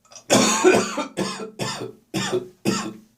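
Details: Five heavy, harsh coughs in quick succession with throaty, rough voicing; a deep, loose morning cough in an autumn session with gagging and spitting.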